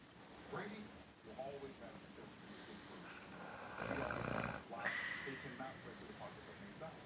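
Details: Person snoring, keeping someone else awake.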